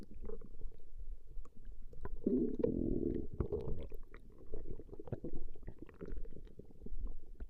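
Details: Her stomach growling recorded over 20 minutes: low irregular gurgling and rumbling from the belly; ordinary bowel sounds (borborygmi).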